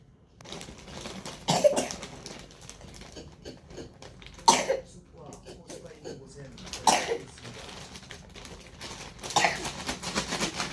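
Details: Four separate short coughs a few seconds apart with quiet room noise between, from a young child hospitalized 3 nights with pneumonia after months of cough and fever over 40°C; cough with pneumonia.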